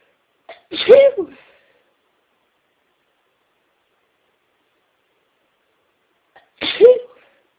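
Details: Two loud induced sneezes, several seconds apart, each with a quick in-breath and an explosive burst; deliberately induced sneezing.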